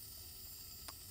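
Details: Nebulizer demonstration: steady hiss of an oxygen-driven nebulizer at about 6–7 L/min aerosolizing inhaled medication into visible mist, delivered by mouthpiece or mask over 10–15 minutes.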